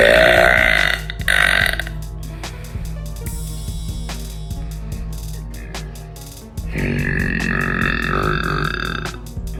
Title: Girl Burps